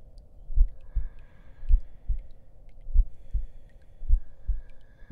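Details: Heartbeat track in an ASMR roleplay audio while the listener lies on a bed to rest: soft, steady paired low thumps at about 55 per minute with a faint hum behind.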